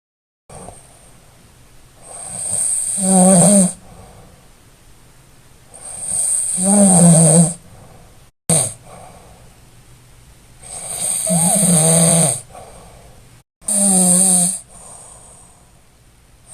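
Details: Real snoring recording with an MTM tongue-guard oral device: loud, harsh rattling snores on each breath in, about 14 a minute, typical of heavy snoring.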